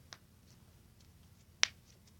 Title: Cracking knuckles again